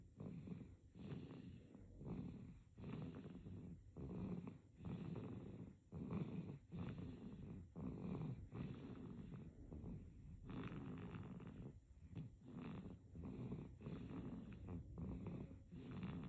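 Soft, irregular noisy breaths in sleep, about 32 a minute, with a rough snoring rattle on many breaths; infant snoring.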